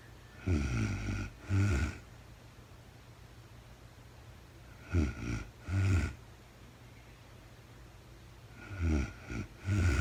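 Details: Real-time recording of a woman sleeping, very tired, no talking: soft, low fluttering snores in pairs roughly every four seconds over a quiet background hiss; ordinary snoring.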